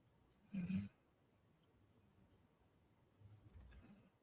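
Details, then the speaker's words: A pet called Trike, asleep in a quiet room, snores loudly: one loud, rough snore, then a softer rumbling breath. "he's snoring Loud Let's see maybe Tri has the right idea"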